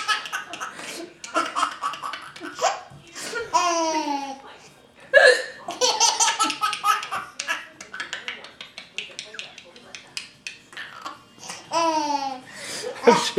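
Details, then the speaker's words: Mother with hiccups while her child laughs at her: sharp, sudden gasping catches repeating between bursts of laughter; hiccups. "Eric's loving mommy with the hiccups."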